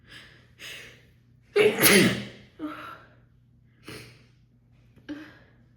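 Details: Woman in an uncontrollable sneezing fit after holding back sneezes during a phone call, recorded partway through: a run of sneezes with sharp in-breaths, one very loud, harsh sneeze among several smaller ones.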